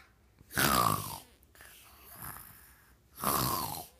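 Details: Snoring: two loud, rattling snores on breathing in, about two and a half seconds apart, with quieter breathing between them.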